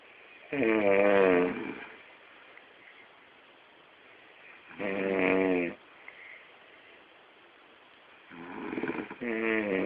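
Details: Loud, rattling snores on inhaled breaths, about three in ten seconds, with quiet pauses, from a sleeping father recorded by his child.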